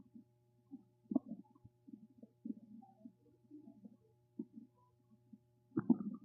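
Low gurgling, bubbling rumbles come in irregular bursts with a steady low hum behind: ordinary stomach rumbling from gas and fluid moving through the gut.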